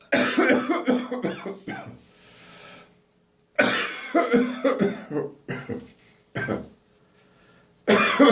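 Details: Dry post-bronchitis morning cough, with phlegm nearly gone: repeated bouts of harsh, dry coughs in quick runs with short pauses between.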